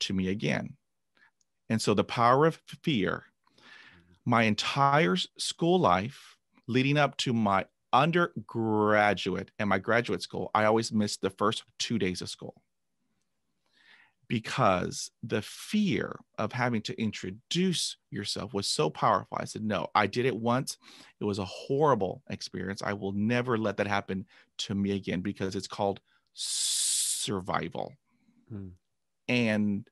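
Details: Adult man who began stuttering after a traumatic dog attack at age 5, with 20 years of speech therapy; stuttering.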